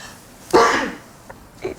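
A single loud, sharp acted sneeze with a brief breathy release, followed by faint room sounds.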